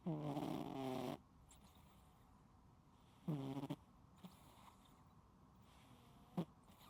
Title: My Cat Snoring LOUDLY 😴 Unedited Video of The Cutest Sleepy Sounds